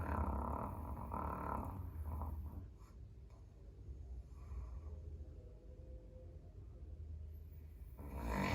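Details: Caucasian Shepherd (Ovcharka) dog sleeping in the entryway, snoring fairly tamely: deep, low, soft rumbling snores, fairly slow, with quiet breathing between.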